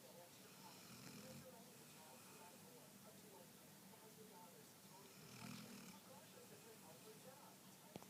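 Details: Soft snoring from Dakota: quiet, low rumbling breath sounds against a steady background hiss.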